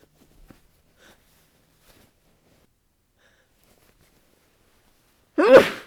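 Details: Near silence with faint rustles, then one muffled sneeze with a voiced tail, sneezing into a down comforter in bed after coming in from cold, windy winter weather; sensitive nose, possible cold suspected.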